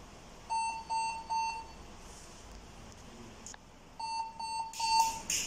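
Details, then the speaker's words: Power-on beeps of an 8-parameter CCU cardiac patient monitor (General Meditech G3L) when plugged in and switched on: runs of three short, even, high-pitched beeps, repeated, with faint room noise. "the power plug and just I just on the cardigan otic monitor"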